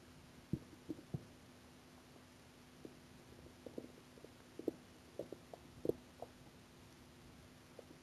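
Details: Stomach growling when hungry: soft, scattered gurgles and pops over a quiet background, normal bowel sounds (borborygmi).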